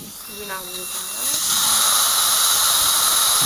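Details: Dental implant drilling in the upper molar region of a woman in her late 60s, crestal sinus bone graft with Densah burs: brief voice, then a rising high-pitched hissing whine of the drill running steadily.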